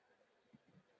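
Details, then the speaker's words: A low, humming, musical tone swells in after a quiet pause: the musical murmur of aortic stenosis. "has no specific meaning is only the results of natural transformation of sounds in musical sounds due to the fact that in that patient the torx is working like a musical instrument"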